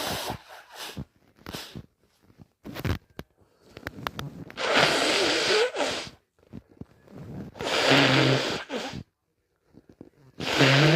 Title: wet and strong (induced) hayfever sneezes+nose blow and tissue showing